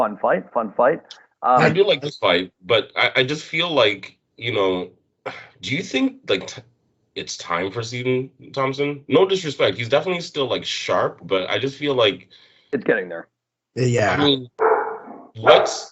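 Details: Adult male speaker; normal speech.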